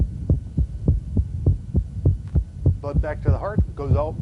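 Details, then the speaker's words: Rapid regular heartbeat with a soft mid-systolic murmur, teacher's voice over it; dynamic outflow obstruction murmur of hypertrophic cardiomyopathy. "you hear the murmur and put them through maneuvers you've got the diagnosis"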